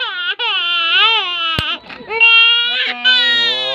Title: GRABI ANG IYAK NG BABY KO